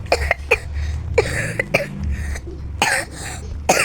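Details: A child coughing repeatedly in short bursts, a lingering cough after illness, with a low steady hum in the background.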